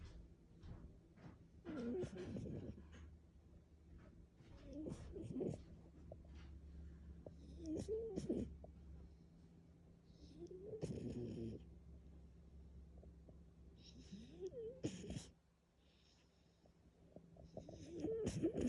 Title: French Bulldog unique snoring while asleep #shorts #frenchbulldog #dog